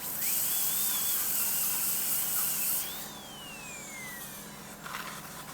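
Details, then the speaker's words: Dental drill on a 6-year-old Labrador with dental caries, a large cavity in the molar behind the carnassial tooth, removing dead tooth material before a composite filling: loud high whine, pitch falling as it winds down. "I'm going inside and from inside this little dome shape inside a little more and I'm trying to remove whatever the dead portion of the teeth is there the material inside."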